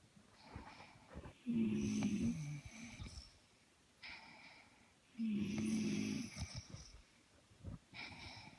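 Two deep, buzzing snores on breathing in, with softer breath sounds between, about 16 breaths a minute. Ordinary snoring.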